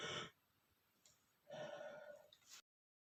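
A sharp intake of breath, then a loud explosive burst that ends abruptly; one uncovered sneeze.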